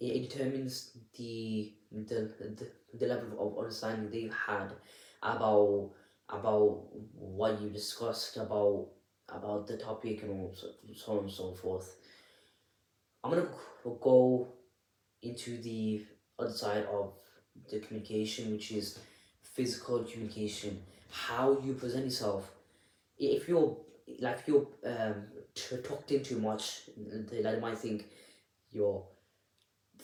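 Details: Adult presenter who stammers, speaking unedited; repetitions of words and syllables are audible; stuttering.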